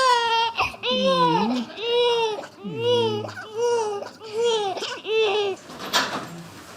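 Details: Newborn baby about 27 minutes after birth, during skin-to-skin contact with dad. Strong, rhythmic crying in repeated wails, about 70 cries a minute, with quick breaths between; a vigorous, normal newborn cry.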